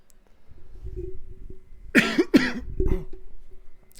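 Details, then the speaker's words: Person feeling under the weather coughing: two or three harsh coughs in a small room. "under the weather as you can hear me coughing up a storm"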